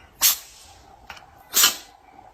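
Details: Two short, sharp hissing sneezes from a pet dog, about a second apart, with a faint snort between.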